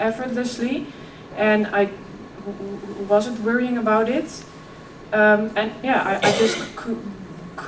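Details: 26-year-old woman who has stuttered since early childhood: effortless as a child, covert stuttering at ages 11–15, now more struggled. She speaks at a keynote on stuttering and OCD. Stuttering.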